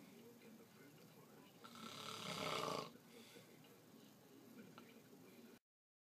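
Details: Adult male co-worker asleep, snoring: a single long, rough rattling breath rises and fades over quiet room noise.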